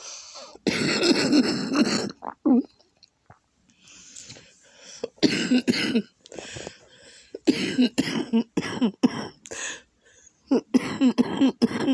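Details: Person with a flaring lupus and congested lungs coughing, with mucus; coughing so hard it has caused vomiting; back and chest hurt from coughing; productive cough.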